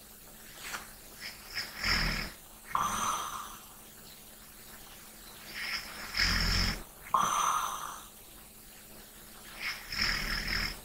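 Rough, rumbling snores with light breathing between them, about 14 breath cycles a minute: snoring during sleep.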